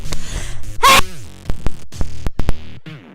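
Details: A loud burst sneeze from a young man with a runny nose after a nasal product challenge, followed by sniffing and brief nose-blowing; sneezing with nasal congestion.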